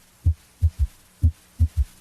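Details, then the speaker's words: Third heart sound (S3) heard with the stethoscope bell placed lightly over the apical impulse. A slow heartbeat has a soft, low extra thud just after S2, which disappears when the bell is pressed firmly on the chest wall. "if the patient had an audible s3 it would sound like this now notice how the third heart sound disappears when the Bell is placed more firmly on the chest wall"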